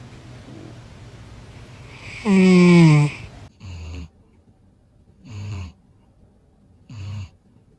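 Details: Sleeping cat: a loud, drawn-out squeaky breath, then three regular low rumbling snores about every 1.7 seconds; normal snoring in sleep.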